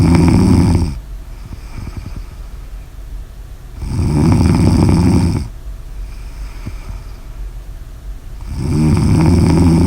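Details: Snoring: loud, buzzing snores about every four seconds, roughly 14 breaths a minute, with quieter out-breaths between.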